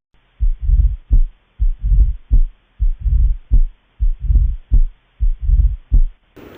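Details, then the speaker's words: Mitral stenosis murmur, Step 1 teaching example: loud S1, a sharp opening snap after the second sound as the mitral valve snaps open, then a low mid-diastolic rumble. "so there will be med diastolic rumble and for this specific cause there will be loud S1 also let's hear its murmur now focus on the opening snap"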